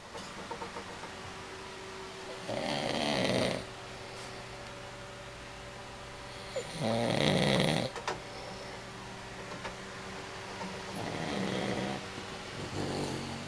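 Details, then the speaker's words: Husband snoring at night: loud rattling snores on inspiration, about three in this stretch with quieter breaths between, over a steady low room hum. "And that was how he snores."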